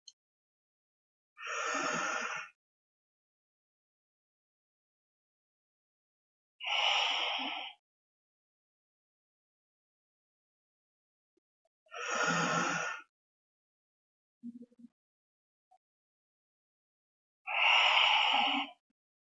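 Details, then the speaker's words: Demonstration of the breath-holding method with a metered-dose inhaler and spacer, for asthma or COPD: puff pressed into the spacer, inhale through the mouth, hold the breath, exhale through the nose, repeated; four breaths with silent holds. "inhale via your mouth hold the breath count 10 seconds and exhale via your nose the drug which I have pressed is already in the spacer"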